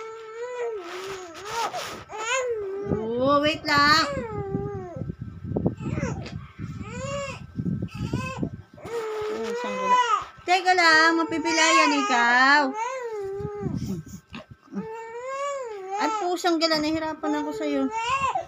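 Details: Young child crying in repeated wailing bursts with sobbing breaths between, in a small room; ordinary cry.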